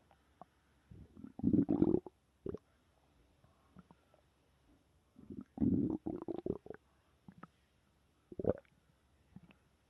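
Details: Ordinary stomach growling (borborygmi): two long bubbling, croaking growls with scattered gurgles and clicks between.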